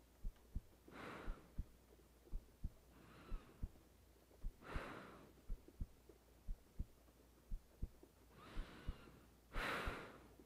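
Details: Woman lying in bed at night, her resting heartbeat recorded for ASMR: soft, low thumps repeating steadily under slow breaths and faint rain; normal heartbeat.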